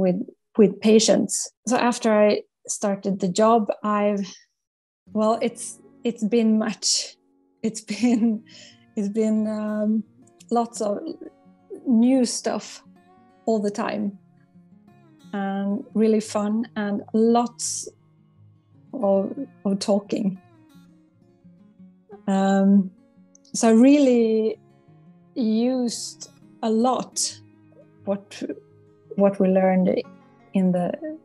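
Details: Adult psychologist who stutters and has worked with a stuttering coach; word repetitions are audible: stuttering.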